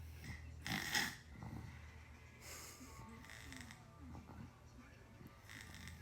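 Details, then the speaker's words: Sleeping child with low muscle tone and mild sleep apnea snoring roughly every two to three seconds during a nap, dreaming at end; snoring. "little snore is so cute. Well, he's definitely dreaming."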